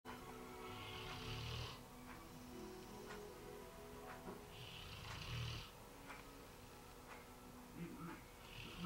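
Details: Bullmastiff, 16 months old, 120 pounds, napping on a couch: slow, loud rumbling snores about every four seconds, roughly 15 a minute, louder than a television in the background.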